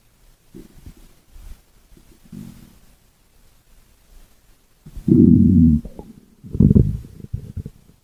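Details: Stomach growling (borborygmi): low gurgling and rumbling bowel sounds, soft at first, then two louder growls near the end.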